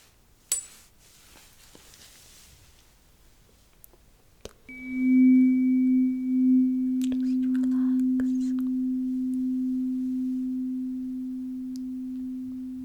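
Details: Simulated tuning fork hearing test in an ASMR doctor roleplay: taps, then a steady pure ringing tone that slowly fades.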